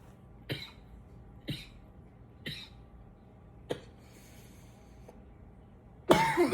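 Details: Person coughing a bit: four short, dry coughs about a second apart, followed by a louder burst of noise at the end; cough.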